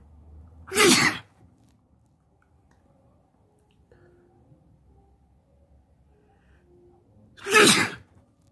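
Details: Person sitting on a bed with a tickling nose: two loud, sharp sneezes several seconds apart in a quiet room.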